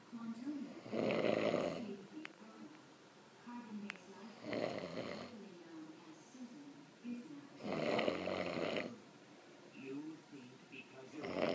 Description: Ok, so maybe I actually DO snore just a little bit! I have heard and seen so much worse, lol!